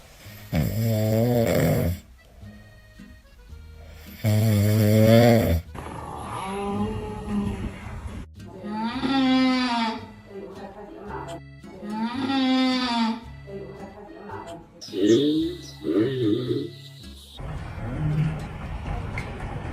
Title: Adorable pandas snore too!